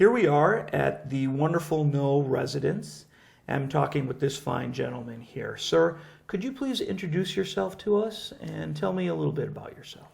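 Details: Adult male speaker; normal speech.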